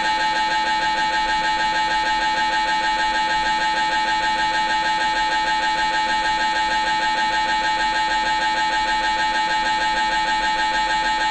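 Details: Brain MRI recorded inside the scan room: loud steady rapid buzzing hammering, about 194 pulses a minute, typical MRI scanner noise during a brain scan.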